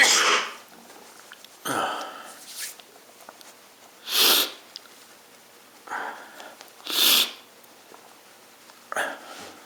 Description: Request. I induce sneeze and blow my nose not honking. Richiesta: Mi provoco gli starnuti e dopo mi soffio il naso non rumorosamente.